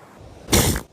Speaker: It sounds like farts. Like that. Is that why this is so funny? Because seal sneezes sound like farts, right?